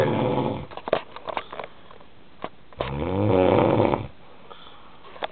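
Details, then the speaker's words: Adult snoring while asleep, recorded by a fiancée and likened to a Darth Vader noise: a loud, rough, rattling snore on a long inward breath, with snuffling between breaths; snoring. "remember the Demon's noise this is the Darth Vader noise Darth [Music] Vader fully right I've got a snore but you know what she's awesome come on that's"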